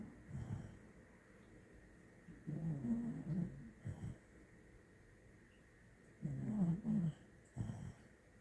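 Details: Sleeping dogs, a dachshund and a pit bull, snoring: low, rattling snores in uneven bursts, some long and some short, over quiet room noise. Snoring.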